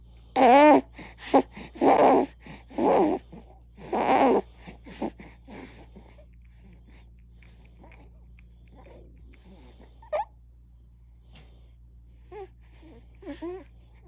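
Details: An infant makes loud, voiced gasping breaths, then quieter irregular breathing with occasional small squeaky sounds: gasping breathing.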